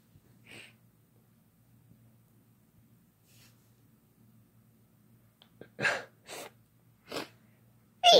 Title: Having Fun Sneezing Together